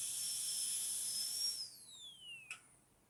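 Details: High-speed dental drill whining, then winding down with falling pitch and a brief click, during axial reduction depth grooves (1.2–1.5 mm, buccal and lingual) with a flat tapered bur on tooth 46 for a metal-ceramic crown (demonstration).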